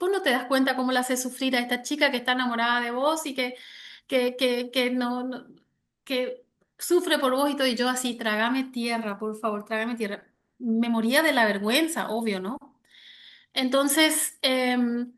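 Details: Adult woman who has stuttered since age 6, onset linked to her parents' divorce; severe in childhood, now mild (about 80% fluency) and cyclical, mainly blocks; word repetitions heard; stuttering.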